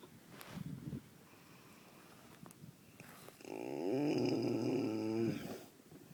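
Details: Resting horse: a soft snort, then a long, loud, fluttering, rumbling breath sound; harmless snoring.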